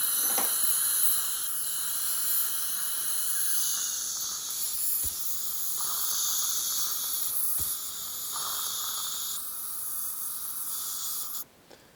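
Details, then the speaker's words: Steady high-pitched hiss and whine of an ultrasonic dental scaler with suction gurgling and a few sharp clicks, then stopping, scaling lower anterior teeth with a Diadent suction mirror retracting the tongue on the lower right. "so i'll be doing i'll be retracting the tongue on the lower right side and then i'll be uh scaling the lower anteriors and then on the separate video i'll do the upper right molars"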